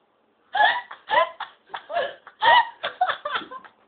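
Short abrupt voiced bursts, several in a few seconds, mixed with laughter; hiccups.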